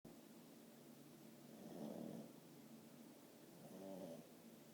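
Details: Haley, a 10-month-old French bulldog, snoring while asleep: two snorting, rattly inspiratory snores over a low, steady breathing rumble, loud like a man's.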